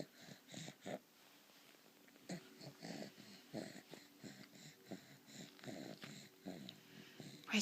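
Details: A 3-month-old boy weighing 16.5 lb has laryngomalacia, heard as raspy, fluttering, partly musical inspiratory stridor. It occurs on his back, sitting, and for the first minute on his stomach, and varies in severity; he chokes when bottle-feeding.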